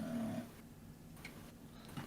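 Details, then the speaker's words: Sleeping dog in background gives one low, buzzing snore, then quiet breathing indoors. "a lot of loudest dogs snoring in the back yeah you can hear that"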